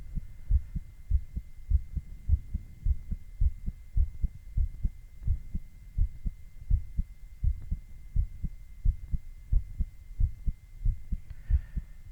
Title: Male heartbeat EKG ECG with heart sounds